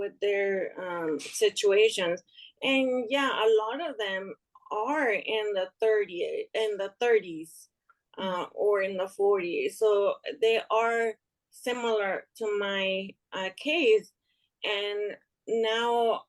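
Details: Woman with aphasia after an ischemic stroke in March 2020 that left her unable to speak; speech improved but slower, with word-finding pauses; aphasia.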